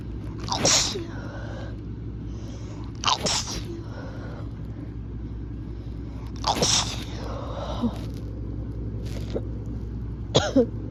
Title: Strong sneezes